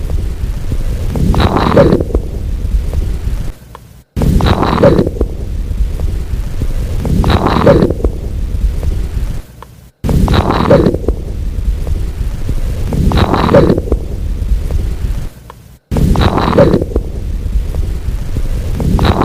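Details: Auscultation of breath sounds through a stethoscope: repeated breaths, each with a brief high-pitched squeak near the end of inspiration; late-inspiratory squeak.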